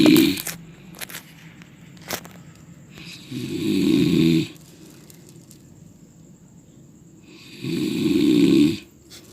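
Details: Two loud, rough snores on inhalation, roughly 14 a minute, with quiet pauses between; ordinary human snoring.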